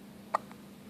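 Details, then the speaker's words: Baby boy with hiccups while his mother talks to him: a single brief, abrupt hiccup against a quiet room hum; hiccups. "do you have the hiccups yeah"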